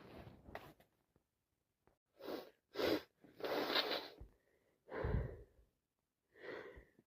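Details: Person who can't stop sneezing: several loud bursts of air in a row, each followed by breathing, in a quiet room; repeated sneezing.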